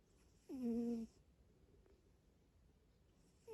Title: Cute cat snoring